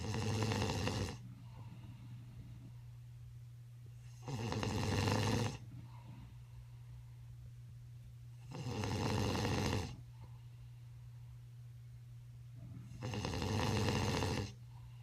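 Four loud rattling snores, roughly 14 breaths a minute, with a steady room hum between them: snoring during sleep.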